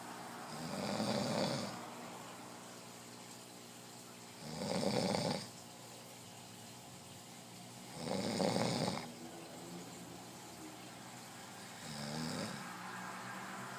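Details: A man sleeping and snoring: four loud, rasping snores on the in-breaths, about 17 breaths a minute, with quieter breathing between. Water was put in his mouth. Ordinary snoring.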